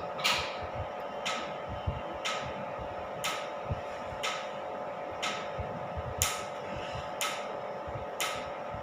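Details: Sharp snapping clicks about once a second over a steady machine hum: a tattoo removal laser firing at low power during a first sitting on numbed skin.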